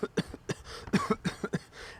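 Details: A rapid run of about six short, dry, non-productive coughs imitated by an adult, demonstrating an asthma- or Covid-type dry cough.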